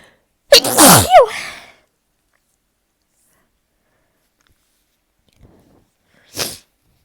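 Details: Adult lying beneath a ceiling fan in summer, their worst sneezing season, gives one loud voiced sneeze, then a shorter, quieter sneeze several seconds later; a sneezing fit.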